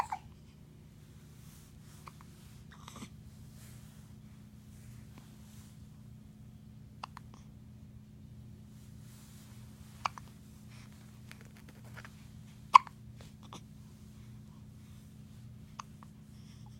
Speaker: Here's, 2 weeks old today. It's May 29th, 2015, and he has the hiccups.